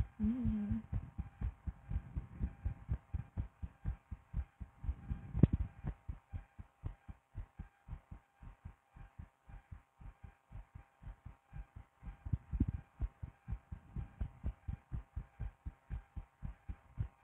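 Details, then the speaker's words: An adult woman's own heartbeat recorded with a DIY stethoscope: steady, regular, clear paired lub-dub sounds at roughly 60 to 70 beats a minute. "No, but anyway, let's listen to my cute little fluttering heart that you love so much."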